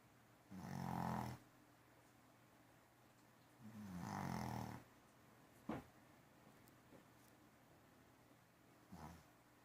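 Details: Two loud, low, rattling snores about three seconds apart, then softer breathing noises in a quiet room; snoring.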